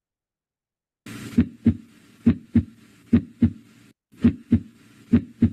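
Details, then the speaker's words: Normal heart sounds from a vital-signs and physical-exam teaching recording: regular paired lub-dub beats, about 67 a minute, with clear first and second sounds; a voice begins briefly at the end. "¿Y nosotros qué vamos a escuchar ahí? Vamos acá. Sonidos cardíacos."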